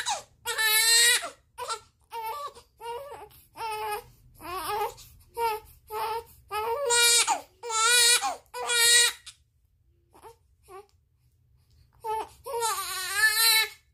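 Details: 30-day-old baby crying hard while waiting for milk to be heated: loud, rhythmic newborn wails with brief pauses for breath; vigorous hunger cry.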